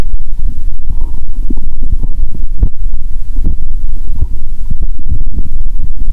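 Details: Bowel sounds through a stethoscope over the abdomen after cola and Mentos, person feeling full and having burped: low rumbling and gurgling with frequent irregular bubbling bursts, active.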